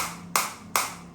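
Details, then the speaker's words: Two sharp, snapping clicks under a steady electrical hum as a Biotronix medical-grade focused (not radial) extracorporeal shockwave therapy unit fires pulses on the hand area at intensity 10, frequency adjustable 30–180. "So now I will start the same, and you will look. Like if I put the same over here, you can see this is green now, and I am getting the shot. So I am getting the shot."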